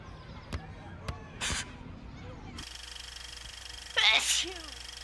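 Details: Two sharp, breathy sneezes, the later one loud and explosive after a brief intake of breath; sneezing.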